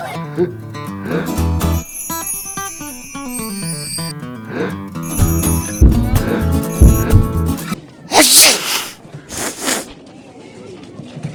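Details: Simulated sneezes in a 2D animated short about a boy with a cold: music, then two loud sneeze-like bursts near the end.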